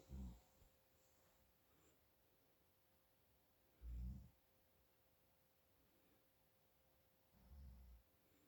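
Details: Father asleep with nasal congestion: low, rumbling snores about every four seconds, roughly 16 a minute; snoring from congestion.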